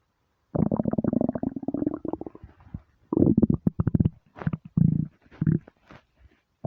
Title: starving stomach rumbles